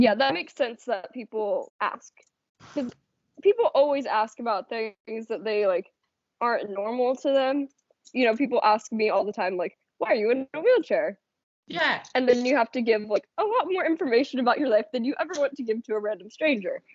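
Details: Adult woman speaking; normal speech.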